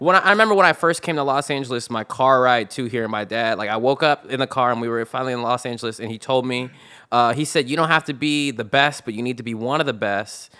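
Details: Adult male speaker; Normal speech.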